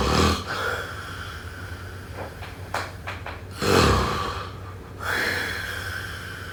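Two low, rough, rattling breaths about three to four seconds apart, with quieter breathing between them, typical of snoring during sleep.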